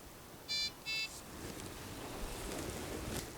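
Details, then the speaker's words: Syringe driver keypad lock in a hospice training demo: two short electronic beeps as the information button is pressed and held to lock the keypad after restarting the infusion, then steady background hiss. "I now need to press and hold the information button to lock the keypad"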